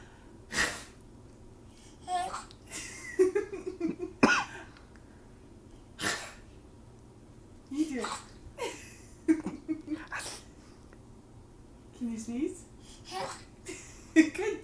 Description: My 7 month old baby fake sneezes